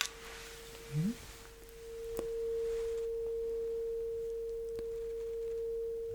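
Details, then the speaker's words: Acted ASMR hearing test: a golden tuning fork, lower-pitched than the previous one, is struck and placed on the bone behind the ear, ringing with a steady pure tone that slowly fades. "And the kind of sound it makes. It's actually much lower than the previous one."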